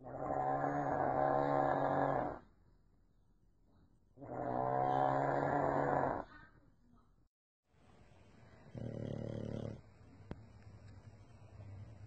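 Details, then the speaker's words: An animal snoring in sleep: two long, loud, rough snoring breaths of about two seconds each, then a softer third. "Somebody's a snorer."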